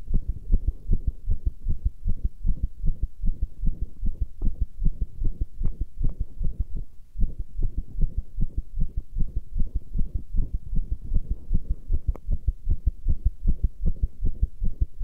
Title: Pressure Heartbeat 9